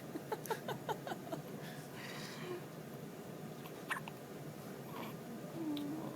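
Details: A male family member with hiccups: several brief, abrupt catching sounds in quick succession over quiet room noise; hiccups.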